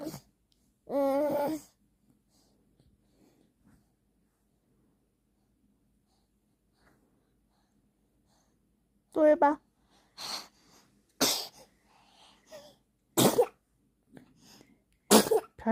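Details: Drowsy baby falling asleep makes brief vocal sounds, then several short, sharp sneezes in a quiet room.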